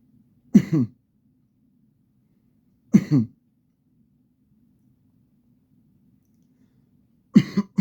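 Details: Chronic cough in a person taking antibiotics, who says there is static in the cough: three short cough bursts a few seconds apart, each a brief hack followed by rough throat clearing.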